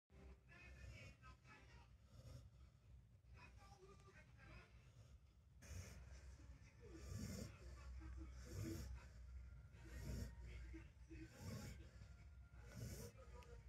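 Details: Soft, quiet rhythmic snuffling snores, about one every one to two seconds, from a relaxed dog sleeping in its favourite bed; harmless snoring.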